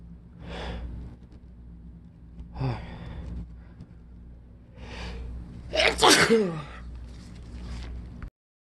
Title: Allergy sneezing fit